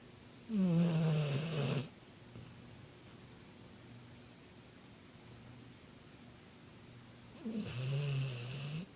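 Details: Sleeping bullmastiff dog snoring: two loud, rough snores about seven seconds apart in a quiet room, slow sleep breathing rhythm; snoring.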